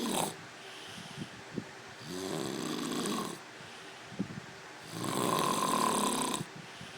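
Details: Tony snoring: repeated rasping, whistling snores on each breath, with small snorts between them.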